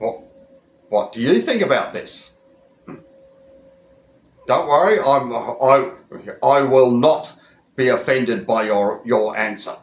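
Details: Adult Australian speaker who stutters, speaking in a monologue with word repetitions; stuttering.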